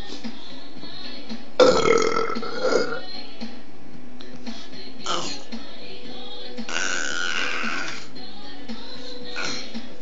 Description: bebe de 10 meses eructando jajajaj